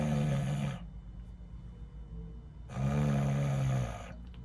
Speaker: 즉 코골이는 콧속에서 나는게 아니고 기도를 긁어주는 소리인데요 제가 이걸 억지로 한번 소리를 내보고 이걸 어떻게 또 제거하는지 한번 보여드리겠습니다